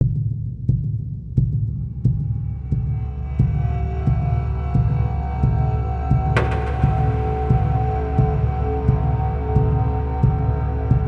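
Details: Cinematic mystery heartbeat sound effect: steady, deep thumps at about 88 a minute under a swelling eerie music drone; produced, not a real recording.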